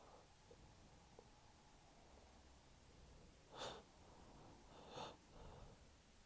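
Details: Two muffled, held-in sneeze bursts with soft breathy sniffs over low room hiss; stifled sneezes from a man sneezing in fits every 30–60 minutes.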